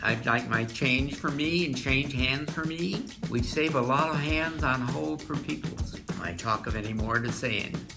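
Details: Example of fluent aphasia, a language disorder; the person can still produce words but cannot communicate meaningfully and probably does not realize it; fluent aphasia.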